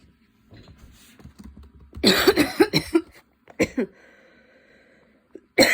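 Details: Rapid run of about six harsh coughs, then two more after a brief pause, with breathy sounds between, during a coughing fit that came on while studying and worsened until intense; the person was standing and kept changing positions.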